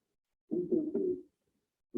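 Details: Pectoriloquy: a short, muffled, low-pitched spoken phrase, the word "33", transmitted clearly through the chest wall.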